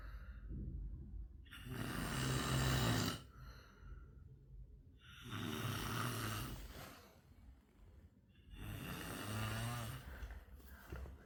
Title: ultimate snoring sound part 3(1)